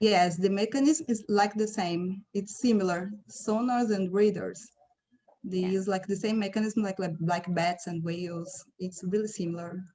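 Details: Adult speaker; ordinary speech.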